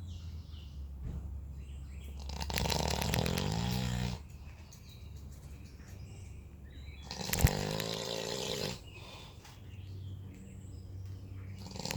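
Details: Heavy snoring from a sleeping man: two long, loud, rumbling snores about five seconds apart over low room noise, likened to an earthquake.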